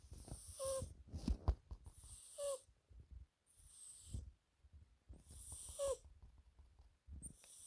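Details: Sleeping British Shorthair cat snoring: soft, regular snores with low fluttering breaths and a faint whistling note.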